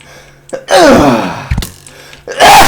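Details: A sharp intake of breath with a drawn-out voiced cry, then a sudden burst, followed by crying over the sneeze: a sneeze preceded by a gasp.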